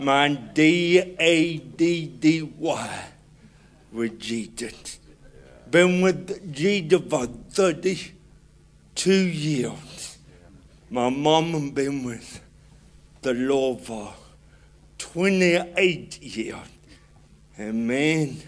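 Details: Adult man with cerebral palsy, described as hard to understand in places; dysarthria (cerebral palsy).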